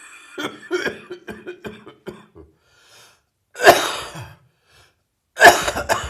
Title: Heavy Chest Cold Coughing